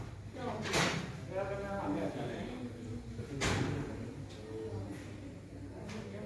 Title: He sneezes😍🥰♥️,9th Sept.2022